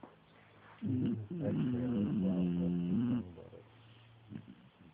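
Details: Sleeping beagle snoring: a long, whistling, moaning snore with shifting pitch, then quiet breathing; snoring.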